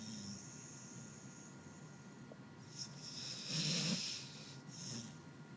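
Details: Sleeper snoring and twitching: quiet noisy breathing with one louder rasping, snorting breath in the middle.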